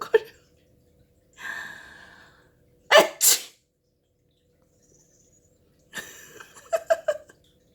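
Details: Sneeze from a person while their cat scolds after each sneeze: a drawn-in breath, then a sharp double burst, later a further breath and short bursts; one of them a deliberate fake sneeze.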